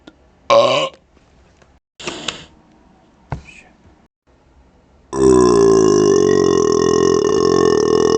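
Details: Several short belches, then a long, loud, sustained belch, recorded right up close to a laptop microphone, some with closed mouth and neck near the mic; burping.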